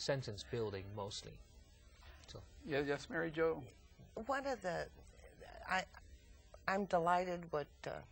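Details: Adult man with aphasia after a massive stroke 15 years earlier at age 39; eight years of twice-weekly speech therapy until a plateau; aphasia.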